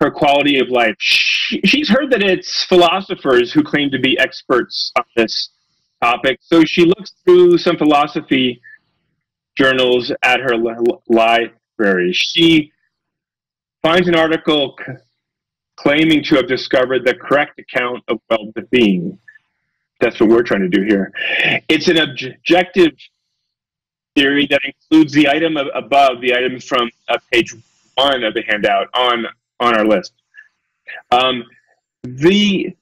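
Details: Real adult male lecturer who says he has a speech impediment, stutters and gets stuck on his words, giving a talk; stuttering.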